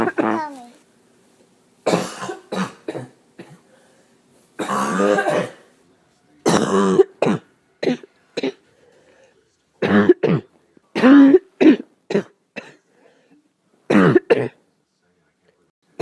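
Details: Night coughing in a person who feels terrible and says nothing is helping: repeated fits of harsh, partly voiced coughing in clusters, about eighteen coughs in sixteen seconds.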